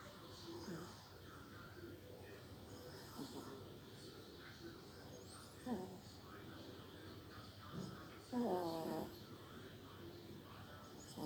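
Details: Pet Chihuahua snoring while asleep, recorded quietly in a dark room.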